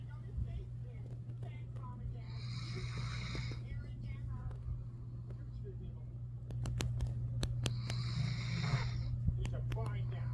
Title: DOBERMAN GEMMA SNORING IN A DEEP SLEEP AFTER MEDICINE FOR HER EARRACHES AND EAR MITES. ❤️ 💤